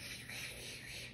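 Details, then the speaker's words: Suction machine tested before tracheostomy suctioning on a simulated patient during a nursing skills demonstration, with the patient hyperoxygenated to 100: steady hissing, whooshing suction noise confirming the suction works. "I am going to go ahead and test the suctioning see if it works"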